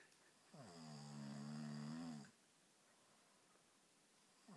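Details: Lanky man asleep: one long, loud, buzzing inhaled snore lasting under two seconds, then quiet; typical snoring.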